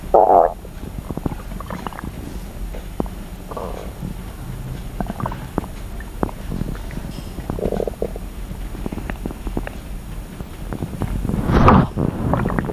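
Low gurgling rumbles with sloshing and crackling bursts, loudest at the start and end; normal stomach growling.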